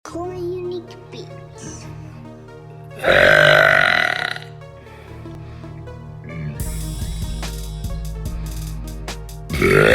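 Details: Girl burping: a loud, drawn-out belch over background music, with a second burst at the end; burping.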